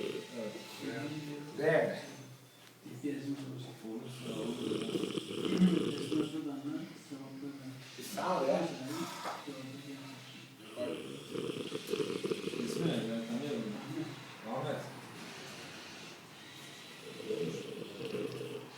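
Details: Man asleep, snoring loudly: rumbling snores with some snorting, and faint talk in the background.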